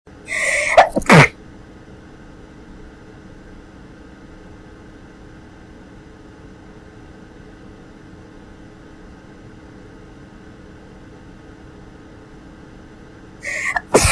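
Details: Young woman with cat allergy, exposed to cats in her apartment, in a sneezing fit: two sharp, explosive sneezes, one at start and one at end, with quiet room hum between.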